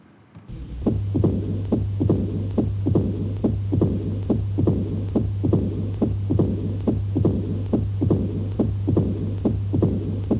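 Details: Regular heartbeat near 70 a minute in mitral stenosis: a three-sound sequence (the first heard sound said to be S2) with an opening snap, followed by a low rumbling diastolic murmur.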